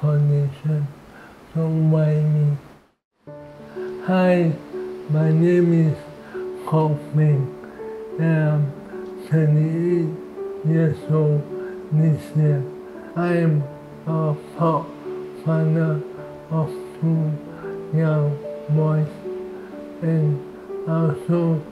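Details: 38-year-old man with amyotrophic lateral sclerosis (ALS), a progressive motor neuron disease; dysarthria in ALS.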